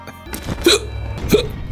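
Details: Two sharp, abrupt gulping hiccups about half a second apart, from a streamer playing Breath of the Wild, over background game music.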